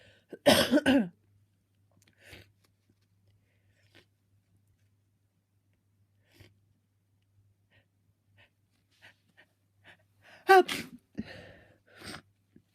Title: Bless me. Soo much sneezing, some attempted stifles at the end because my sneezes are so messy at t